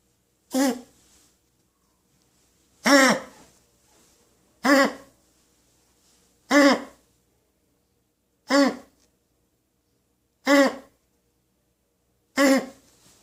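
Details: Dog coughing: seven short, honking, voiced coughs spaced about two seconds apart in a quiet room.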